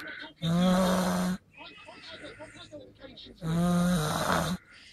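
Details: Two loud, low, rattling snores about three seconds apart, with quieter breathing between them; snoring.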